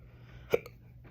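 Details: Adult on day 4 of persistent hiccups since Wednesday night, after an ER visit, throat raw: a single abrupt, sharp hiccup with a brief faint catch, quiet room.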